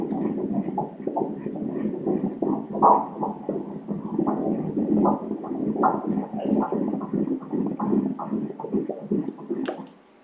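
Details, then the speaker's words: Fetal heartbeat at 15 weeks of gestation (second pregnancy) during an ultrasound exam: rapid, regular whooshing beats, measured at 144 beats per minute, normal. "Va'ai i le fatu o lo'o i lalo va'ai le fatu fa'amauina le fatu"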